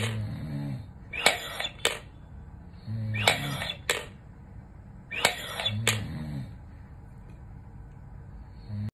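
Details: Three deep, effortful breaths drawn through an incentive spirometer, each followed by a sharp click and release, in a quiet room, 5 weeks after open-heart quadruple bypass surgery; struggling to raise the third ball.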